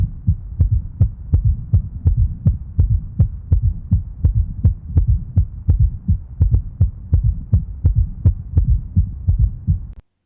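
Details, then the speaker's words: S4 gallop heard at the apex with the bell of the stethoscope in a man with heart failure with preserved ejection fraction and suspected infiltrative cardiomyopathy: regular beat near 83/min, three sounds per beat, extra low sound just before S1. "That's an S4 gallop. Of course, pay close attention. You will hear three sounds per heartbeat, one more than the usual. Where is that extra sound? Is it near S1 or is it near S2? The extra sound in this case is near S1."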